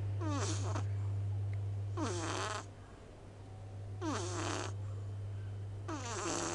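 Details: Loud rattling snoring from a small cat sleeping with eyes half open, about three breaths in six seconds over a steady low hum; ordinary snoring.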